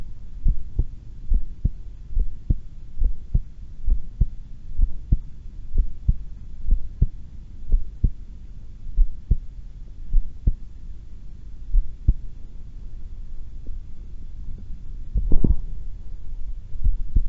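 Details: Heart sounds during a voluntary breath-hold while calm and not excited, breath held twice: soft regular beats, roughly 70 a minute, under a steady low hum, with a brief rustle near the end; normal heart sounds.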